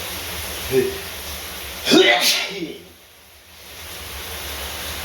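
A single sharp sneeze over steady running water from a shower.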